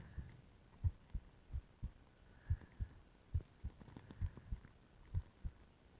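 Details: Stethoscope heart sounds with ECG during deliberate breath-holding (pillow, plastic bag): low paired thumps about 100/min, uneven spacing; tachycardia first, then slowing below 50/min; heart sounds during breath-holding.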